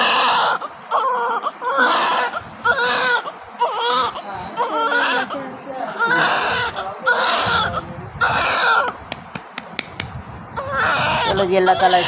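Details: Newborn baby girl just after a normal delivery, crying vigorously in loud, rhythmic wails with breaths between; the doctor says she is fine. She was referred because she had passed stool.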